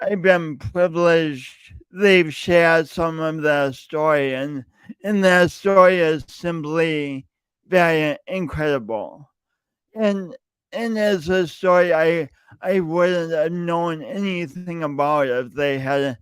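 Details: Male podcast host who says his speech impediment is audible every time he speaks; speech impediment (disfluency).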